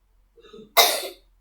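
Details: Voluntary effective cough by a young patient during nurse-guided deep breathing and effective cough exercise (inhale through nose, hold 3 seconds, cough out): a short in-breath, then one strong, loose cough burst bringing up sputum.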